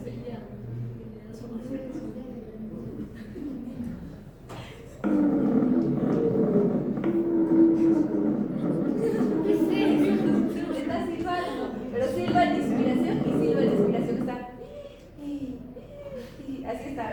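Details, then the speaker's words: Wheezes: loud, continuous musical whistling over the breath sounds for several seconds, with quieter breathing before and after, typical of asthma, where narrowed bronchi reduce the airway lumen. "el siguiente ruido es propio de los asmáticos los asmáticos los asmáticos tienden a tener los bronquios más cerrados la luz del propio disminuye"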